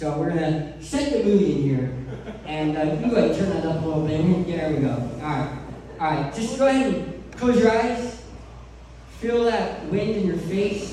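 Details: Adult male who lost 80% of his tongue to cancer, now with a permanent speech impediment; articulation disorder after partial glossectomy.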